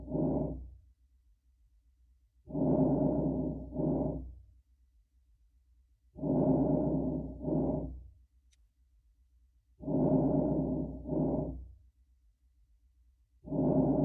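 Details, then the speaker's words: Normal vesicular breath sounds in a nursing teaching example, heard over the lung periphery: soft, low rustling breaths at about 16 a minute, with inspiration longer and louder than the quieter expiration. "phase is going to be quieter compared to the inspiratory phase okay"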